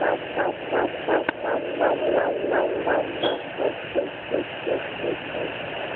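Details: Fetal heartbeat at 10 weeks on a fetal Doppler over the belly: fast, steady whooshing pulses at about 167 beats a minute.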